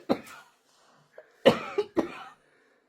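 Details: Girl who says she has bronchitis and has been on antibiotics, cough said to follow choking on water: three harsh cough bursts, two close together, with a quiet breath between them.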